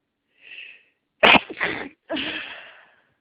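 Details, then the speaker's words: Person with nasal congestion and a tickle after a stuck sneeze: faint intake hiss, then one explosive sneeze breaking into a short burst and trailing breathy exhale; sneezing. "It's making me want to sneeze. But it's not quite there. Come on. I just want to sneeze. Let me sneeze. Oh, finally."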